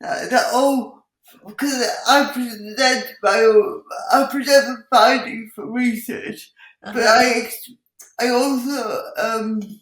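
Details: Dysarthria in an adult woman with cerebral palsy who says her speech is impacted; she also has involuntary movements and uses a wheelchair.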